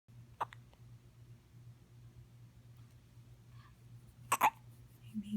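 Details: Four-day-old baby: short, sharp hiccup sounds, two clear bursts within a few seconds over low room hum; hiccups.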